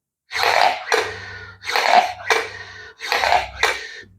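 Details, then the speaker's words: Quick forceful breaths in and out through a Respiron Classic inspiratory breathing exerciser with almost no pause between; demonstrates incorrect technique with incomplete exhalation, causing hyperinflation, accessory muscle contraction and reduced respiratory muscle strength. "quando você tá fazendo desse jeito você tá atendendo a hiperinsuflação o que que é atender a hiperinsuflação é você não esvaziar por completo O seu pulmão"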